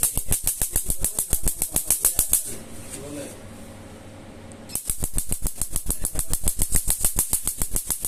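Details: Q-switched laser tattoo removal on an old homemade tattoo, done 8–9 years ago with a needle and gel-pen ink: rapid sharp snapping laser pulse clicks, about three a second, pausing briefly and then resuming.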